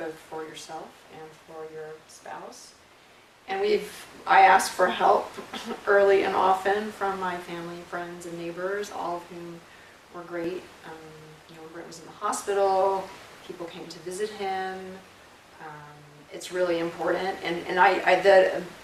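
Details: Adult woman speaking; normal fluent speech.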